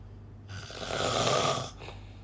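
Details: A single loud, rough snore lasting about a second.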